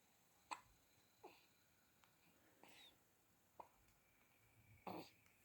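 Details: A baby in a pink hat in a bouncer with a mobile, hiccuping: short, sharp, quiet hiccups, about four over five seconds, irregularly spaced, in a quiet room.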